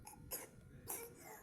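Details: Small child, said to be afraid, whose night-time cough reportedly makes the stomach hurt, gives two short, soft coughs about half a second apart.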